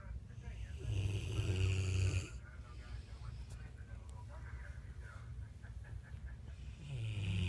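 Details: Mastiff dog Rambo snoring at 3 a.m.: deep, rattling snores from a sleeping dog, with quieter breathing and faint room noise between them; loud snoring.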